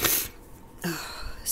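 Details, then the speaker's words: Single loud, explosive sneeze with a sharp hissing burst, then a brief voiced sound, in a person with a cold and a stuffy, runny nose, followed by nose blowing. "bless me. Oh, my nose is so stuffy and runny."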